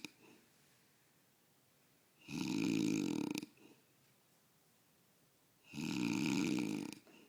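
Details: Loud, rough, rattling snores on the in-breath, two of them about three and a half seconds apart: snoring.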